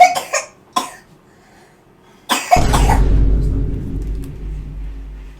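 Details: A person coughing: a few short, sharp coughs followed by loud rustling.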